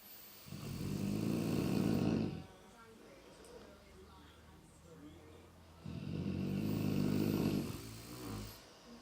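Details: Two sleepers snoring, one louder than the other: two long, rough, low rumbling snores on breathing in, with quieter breathing between.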